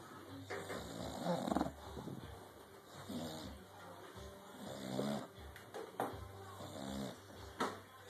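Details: Sleeping dog snoring during a late-night nap after a big day: soft rumbling snores with a low steady hum in the room.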